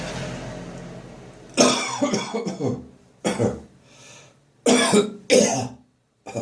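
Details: Dry cough during a morning coughing and gagging spell after bronchitis while clearing remaining phlegm in a bathroom: a run of harsh, dry coughs in several bursts with a gagging quality.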